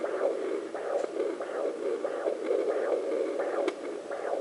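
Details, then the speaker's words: Home fetal Doppler over the pregnant woman's artery, compared with the placenta and baby sounds: maternal arterial pulse with a distinctly different rate and sound from the fetal heartbeat. "that's the artery that's my heartbeat off the placenta and you can see the different heart rates and the difference in sounds"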